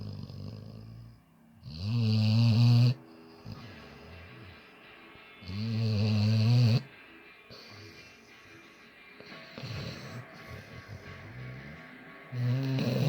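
Loud, rattling, low-pitched snores on each in-breath, about three across the clip, with quiet breathing between.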